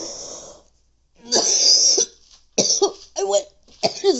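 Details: Several harsh, forceful coughs with hoarse, strained bursts between breaths, with gagging, in a person who says doctors diagnosed acute bronchitis; cough.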